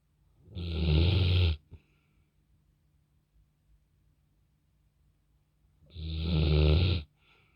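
Two loud, low, rattling snores about five seconds apart, with quiet breathing between them. Typical snoring.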